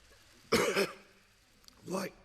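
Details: Two harsh cough bursts about a second apart from a 48-year-old man during a parliamentary speech, later tested for coronavirus; coughing fit.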